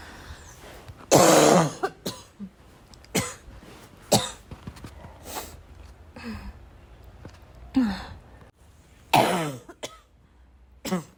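Repeated harsh coughs and throat clearing, about eight bursts in eleven seconds, in a quiet room; a persistent cough.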